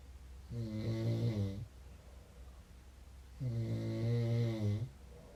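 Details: Two long, low, droning snores on breathing in, separated by quiet breaths out, from a sleeping man; loud snoring.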